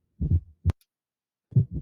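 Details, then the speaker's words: Fourth heart sound (S4), presystolic at the end of diastole: low, dull heart sounds with an extra soft beat just before the first sound. "el cuarto ruido pertenece a la dio es la pregunta más fastidiosa digo el rido que está presistólico es decir antes de la sistol"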